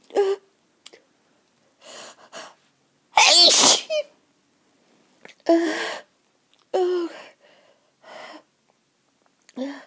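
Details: Sneezing fit with a cold: repeated forceful sneezes with gasping build-ups between them, about five in ten seconds.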